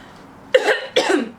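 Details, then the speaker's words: Two quick, moist-sounding coughs from an adult woman who says she is getting sick and losing her voice: cough. "what the hell man I'm getting sick I'm losing my voice I sound like a man honestly"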